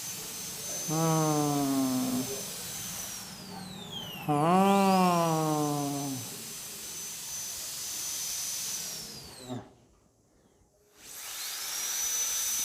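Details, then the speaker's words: Dental drill cleaning a tooth cavity before filling: high-pitched whine rising and falling in pitch, with a low hum and a brief silence. "लिए हम लोग इस दांत को साफ करते हैं इसकी ओपन साफ करते हैं"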